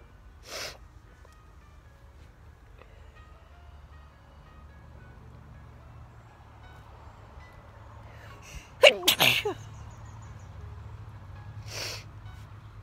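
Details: Sneezing outdoors in a summer garden in a person allergic to grass: several sharp sneezes with a quick double burst in the middle, against quiet outdoor background noise.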